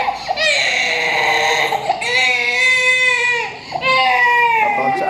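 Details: Hungry baby crying for food: loud, sustained wailing in long drawn-out bursts with brief pauses for breath, in a small room.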